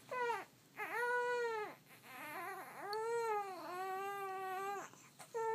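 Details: 1-month-old infant crying during tummy time: loud, sustained wailing in repeated long bouts with short pauses for breath; an ordinary fussing cry.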